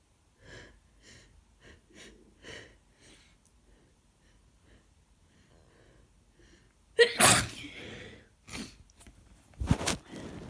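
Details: Adult with a cold, sore throat and stuffy nose since the day before: several gasping breaths in building to two or three forceful, wet, snotty sneezes; sneezing.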